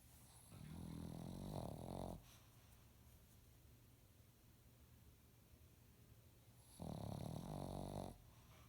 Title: Rocky Snoring